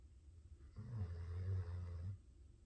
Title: No ignoring the snoring